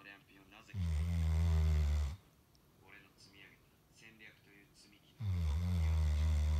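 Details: Two loud, deep rumbling snores, each on an in-breath lasting over a second, with quiet breathing between: a sleeping Golden Retriever dog snoring.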